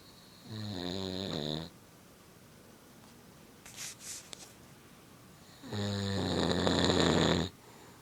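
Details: Adult man (a father) snoring in deep sleep while kids play nearby: loud buzzing snores on breathing in, a few seconds apart, with faint room noise between them.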